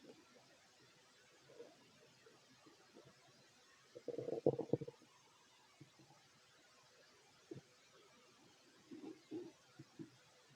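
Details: Fit adult male's stomach while eating a sandwich: soft irregular gurgles and rumbles with one louder growling burst over quiet background; normal bowel sounds of digestion.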